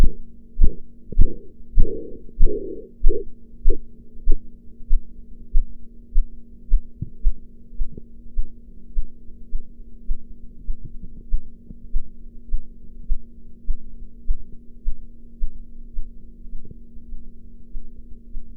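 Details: Sharp rhythmic tapping through a stethoscope, loud at first then fading, as the sphygmomanometer cuff deflates during blood pressure practice audio: Korotkoff sounds.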